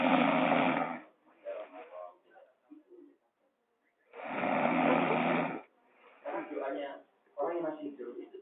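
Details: Loud, harsh inspiratory snores with sputtering, fluttering expirations between them, described as a snoring duet with a gecko; snoring.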